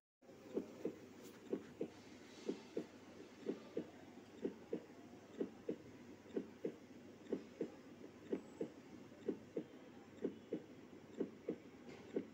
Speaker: You can hear and count the sounds of human heartbeat by keeping a full volume from your smartphone.